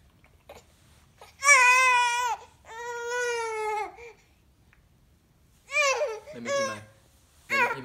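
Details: Infant aged 19 weeks crying: two drawn-out wailing cries, then shorter fussy cries, with quiet pauses between; an ordinary infant cry.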